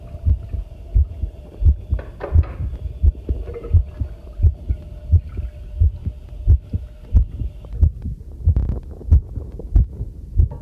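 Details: Heartbeat recorded on myself with a new homemade "field" stethoscope microphone on its first trial, during housework: steady low thumps at about 88 a minute, with tap water running and tableware clinking behind; normal heartbeat.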